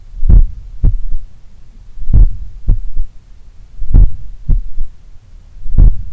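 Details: Slow, powerful heart contractions recorded at the apex in the morning while lying on the left side, with clear third heart sounds attributed to blood recoil or a slightly larger, supple left ventricle. Finding: third heart sound (S3).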